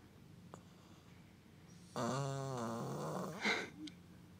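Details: Sleeping soundly, owner unsure whether it is a stuffy nose or snoring: a single loud, buzzing snore with a rattling tone lasting about a second, then a short snort, in a quiet room; noisy snoring.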